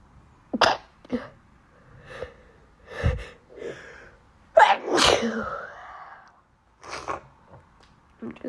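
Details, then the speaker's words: Person with allergies: several sharp, explosive, loud sneezes with intakes of breath between them. Sneezing fit. "it's been a long time since I I record um loud sneezes so that's why that's what I'm doing right now"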